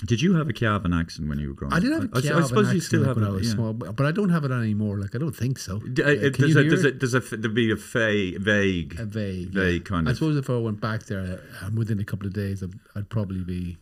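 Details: Stammer in an adult man.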